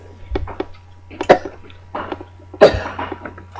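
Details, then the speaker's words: Young boy's voluntary fake cough: two short, forced, deliberate coughs rather than coughs from illness. "That's not a cough. A fake one. Fake? Fake cough?"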